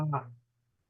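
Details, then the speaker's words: A brief imitated nasal 'ah' voiced sound demonstrating egophony: a patient's sustained spoken 'E' heard through the stethoscope as a nasal 'A' in lung consolidation. "no escuchan una e, escuchan más bien una a, pero una a nasal, una a construcción nasal. Eso es lo que vamos a escuchar. Si es así, este paciente tiene entonces una egofonía."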